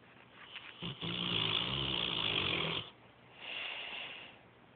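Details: Snoring during sleep: one loud, buzzing, vibrating snore lasting about two seconds, followed by a softer breathy exhale.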